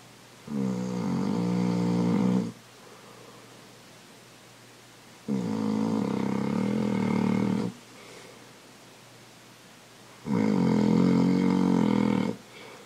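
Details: Three loud, rattling snores about five seconds apart with quiet pauses between; regular snoring at roughly twelve breaths a minute.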